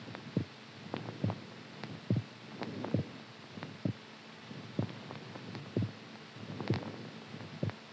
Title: HEARTBEAT SOUND SLEEPING STRONG